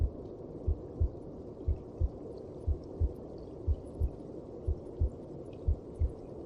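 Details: Muffled, regular low heartbeat thumps at about 60 a minute under a steady rushing hum: a normal heartbeat heard inside the mother's belly.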